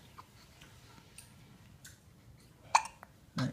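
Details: 14-day-old newborn with hiccups after eating: a few small, abrupt catches in breathing over soft room noise.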